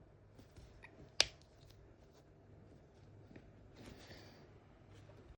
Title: Cracking My Knuckles✊